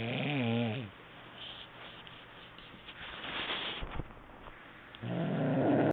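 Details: Sleeping person snoring, recorded on a mobile phone: two loud, rough, buzzing snores on breathing in, with a quiet stretch between; ordinary snoring.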